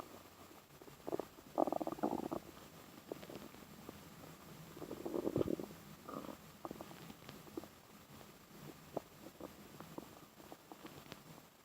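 Soft gurgling, bubbling rumbles in bursts with scattered clicks over quiet background: an infant's stomach growling, ordinary bowel sounds.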